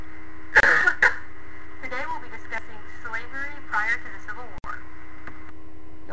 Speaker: okay I coughed in that which I'm sure did not sound too pretty